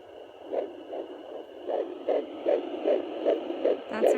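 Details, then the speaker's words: Home fetal Doppler (Sonoline B) held still at 13 weeks of pregnancy; rapid, regular whooshing fetal heartbeat about 150 a minute, lost when the baby moves: fetal heartbeat. "That's her moving around. And she just moved, which is why the heartbeat went away."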